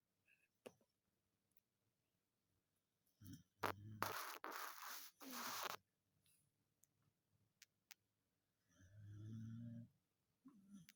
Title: Dachshund Django snoring and dreaming😇 (er schnarcht und träumt!)